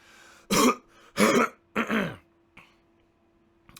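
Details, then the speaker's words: Adult man with a cold of about a week, congestion nearly gone but throat now swollen, gives three forceful, harsh throat-clearing bursts; throat clearing. "the bad news is is my throat of course now is screwed up my throat is swollen"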